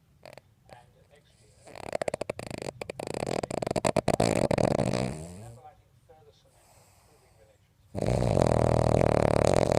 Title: Snoring dog